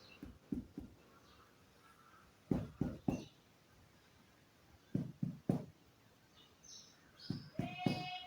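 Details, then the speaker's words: Normal resonant chest percussion note in an adult male patient during a demonstration of respiratory assessment: groups of three hollow, low taps that sound the same all over the chest and are compared side to side. "so i can hear from mr billy the sound is the same all over and it is the resonance sound"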